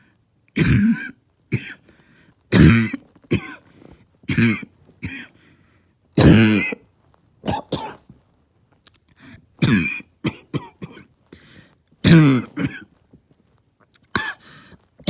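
A child gives a series of harsh, hoarse, barking coughs in quick repeated bursts, typical of upper-airway irritation.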